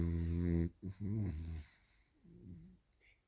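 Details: A 1-year-old French bulldog makes a loud, low rattling snore on the in-breath, then fainter breathing; snoring.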